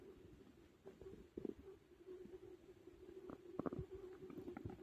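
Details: Low gurgling, rumbling bowel sounds with bubbly bursts after eating too much; loud stomach growling (borborygmi) during digestion after a big meal.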